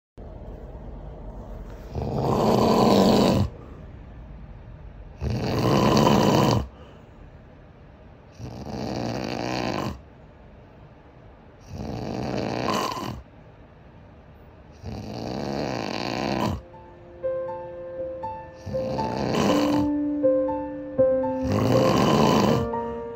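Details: Adult man (uncle) under specialist treatment, recorded for diagnostic purposes: loud, rumbling snores about 19 a minute, each a coarse rattling inward breath with quiet gaps; snoring.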